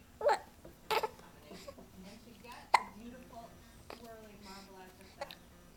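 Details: 2-month-old infant in a swing with hiccups: soft cooing broken by several brief, sharp catches of breath at irregular intervals.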